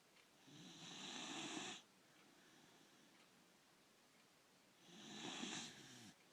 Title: Goldie snoring